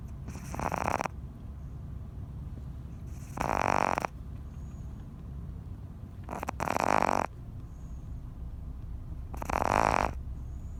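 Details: Pet Boston terrier, small but loud snoring: four loud, rattling, nasal snores at about 22 a minute over steady low background noise.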